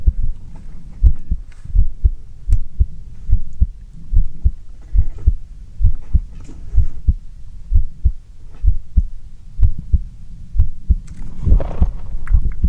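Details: Stethoscope heartbeat ASMR: steady, regular low thumps at about 65 beats a minute with faint handling noise; normal heartbeat.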